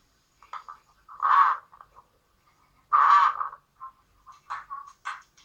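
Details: Pediatrician's digital stethoscope lung-sound recording in a toddler with obstructive bronchitis/bronchiolitis: fast, noisy breaths with a whistling, croaky tone, wheezing from narrowed airways.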